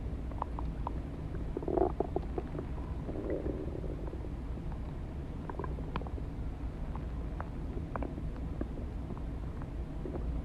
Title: Stomach Growling Sounds